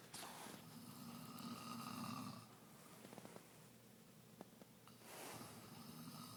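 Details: Adult woman snoring in sleep: two long, buzzing snores on the in-breath with a quieter pause between, faint room noise.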